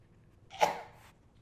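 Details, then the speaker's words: Adult imitating a choking baby's ineffective cough in an infant-choking rescue teaching demo: one weak, strained cough-like burst with no air heard moving in and out. Ineffective cough (choking). "The point want to intervene is when they either start having an ineffective cough, and that is where you do not hear air going in and out. So that would sound like this."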